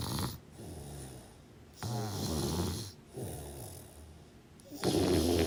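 Uneven, rough snoring with snorting breaths in and softer breaths out, roughly one cycle every few seconds.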